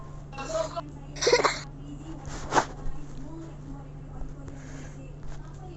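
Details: Three short, harsh bursts of coughing, the middle one loudest, over a steady low hum in a small room; plain cough.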